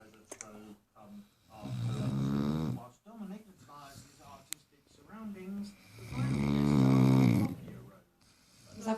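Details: Snoring in a sleeping 4-month-old Great Dane puppy: loud, deep, rumbling snores on each breath, with quieter breaths between.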